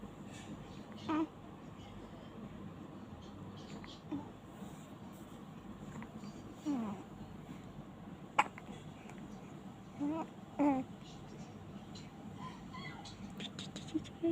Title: I have hiccups#day14